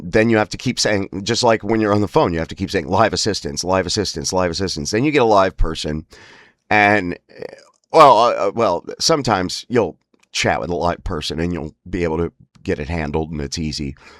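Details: Spasmodic dysphonia (laryngeal dystonia) in an adult male, whose voice spasms worsen markedly with emotional stress and an unregulated nervous system, especially on phone calls.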